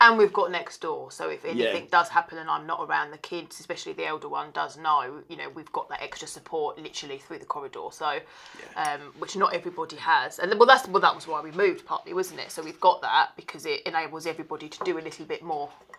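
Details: Adult woman speaking; Normal speech.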